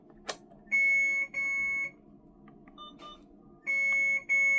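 Sustained high-pitched electronic alert tones from an infusion pump, with a few soft button clicks between them.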